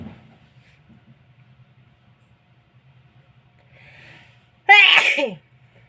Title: more loud sneezing.